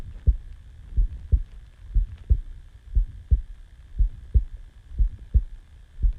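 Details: Normal resting heartbeat recorded right after waking from sleep: clear, regular lub-dub heart sounds at about 60 beats a minute over a faint electrical hum.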